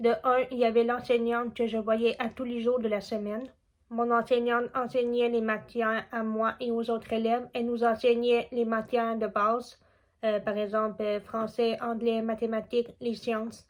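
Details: Young woman deaf since childhood from a genetic condition, still hard of hearing with her cochlear implant, who learned spoken French from age 4 and had speech therapy from age 2½ to 12; deaf speech (cochlear implant user).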